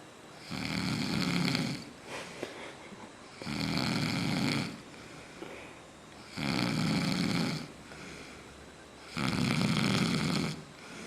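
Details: Man sleeping off a night of drinking, snoring loudly: regular rattling snores with quieter out-breaths, about 22 breaths a minute; someone remarks on the loud snoring.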